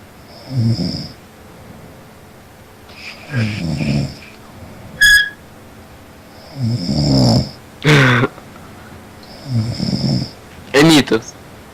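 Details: Someone snoring, heard over a Skype call: loud rattling snores roughly every 3 to 4 seconds, with brief squeaky whistling sounds between them; ordinary snoring.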